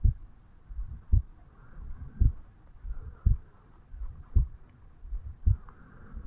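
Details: 35-year-old male, self-recorded at the bicuspid/mitral valve area on waking in the morning: steady low lub-dub pairs at about 56 beats a minute; normal heart sounds.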